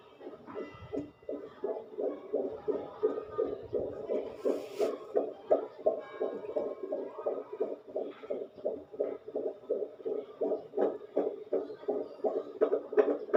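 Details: Fetal heartbeat monitored with a fetal Doppler, rapid regular whooshing galloping beats at about 165 a minute.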